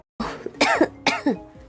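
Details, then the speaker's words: Two short, harsh coughs from a young woman who says she has caught a cold again, during a livestream. "또 걸려 버렸어요 감기네 하나 먹었습니다"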